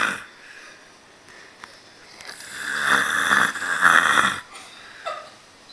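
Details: A man passed out asleep gives a single long, loud, rattling snore on the in-breath, with quieter breathing before and after: heavy snoring, jokingly called a snoring contest.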